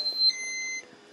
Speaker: Hold on one second, y'all. My baby pump is beeping. The dag on battery.